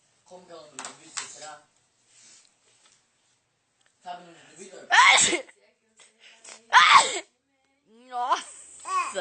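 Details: Sneezing: two sharp, explosive bursts of air, each with a brief in-breath first, among soft voice sounds.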